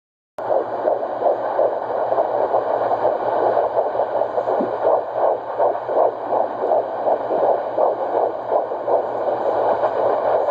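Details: Fetal heartbeat at 13 weeks of pregnancy, found at home with a handheld fetal Doppler monitor: rapid whooshing pulses at about 165 beats per minute.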